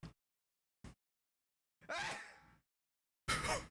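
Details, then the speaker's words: An adult draws a drawn-out, voiced breath in, pauses, then gives one sudden, loud, explosive sneeze with an echo, heard during a spoken conversation recording. "also have to sneeze out yeah I feel"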